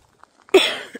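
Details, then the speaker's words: Adult woman with long-haul COVID and environmental allergies: a single forceful, harsh, deep productive cough she is coughing stuff up with; she says it sounds like a bronchitis cough she used to get every May. "It is a very horrible deep cough. I am coughing stuff up. And that it sounds like a bronchitis cough, and it's what I used to get every year in May."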